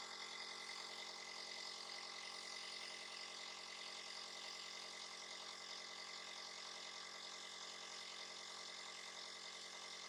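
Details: A nebulizer used by the owner as a breathing aid for little Dobi, who coughs and sneezes: a steady mechanical buzzing hum of the compressor running continuously.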